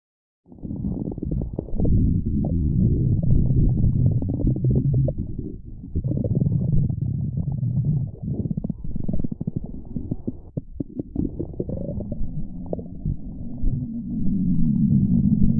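Loud, continuous low gurgling and rumbling with bubbly pops; stomach rumbling from gas and fluid moving through the gut.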